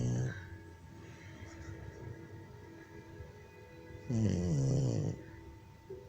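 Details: Loud, rough, low snore on one breath over steady background noise and faint music; snoring.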